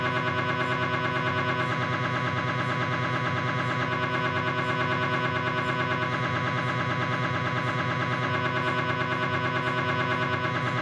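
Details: Loud, steady, rapid buzzing and knocking pulses, about three a second, from a Philips 1.5T MRI scanner during a knee exam; MRI scanner noise.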